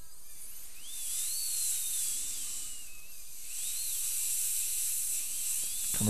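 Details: Steady high-pitched hiss and whine with shifting pitch, trimming the temporary crown near the marginal ridge for an all-ceramic crown on a lower right second molar, tooth 31; high-speed dental drill.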